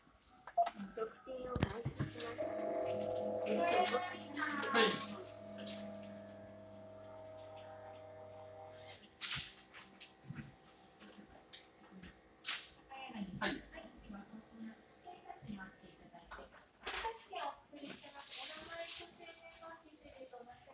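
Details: Omron automatic blood pressure monitor at a check before an internal medicine visit: steady motor hum of the cuff inflating, then quieter deflation; reading 110/65, normal.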